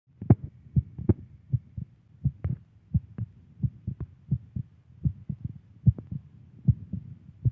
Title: My Girlfriend heartbeat!